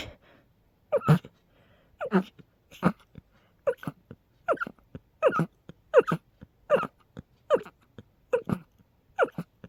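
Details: Sneezing fit in a person with a cold plus allergies, intense episodes every couple of hours: about a dozen short explosive sneezes in quick succession, under a second apart.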